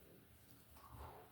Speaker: Y'all, I know y'all can hear that stomach growling. It is terrible.